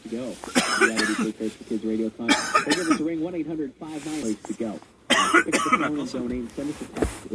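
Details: Adult man coughing in several bursts, with voiced, throaty sounds between the coughs; cough.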